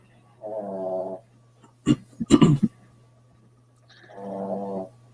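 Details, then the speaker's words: Boston Terrier dog snoring while asleep. "valer was oh the dog is snoring I thought it was his wife she doesn't snore much"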